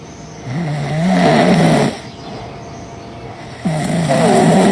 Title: Ranking The Best Snoring Moments 😭